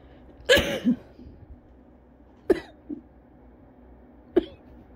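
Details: Adult with cough variant asthma, at home after using an inhaler following a run in the cold, is still having a coughing fit and feels lightheaded; earlier coughed so hard they vomited.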